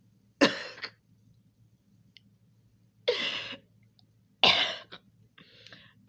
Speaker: I can't stop coughing. I can't stop coughing. This is all your fault.